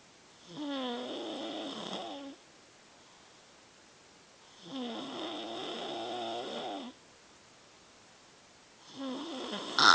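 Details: 3-year-old child snoring on a good day (usually much worse): three regular, soft, higher-pitched snoring breaths, each about two seconds, roughly 15 breaths a minute.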